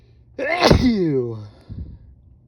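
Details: Intense wet sneezes induced by a person with a cold, ending with nose blowing.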